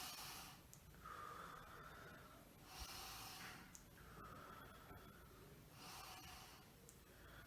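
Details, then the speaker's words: Vocal imitation of normal vesicular breath sounds: clear, even breathing with soft airy inhalations and exhalations, heard on stethoscope auscultation of a healthy patient's back; respiratory rate 18 per minute. "En este caso yo escuché una respiración nítida, una respiración limpia como tal, porque mi paciente está sano."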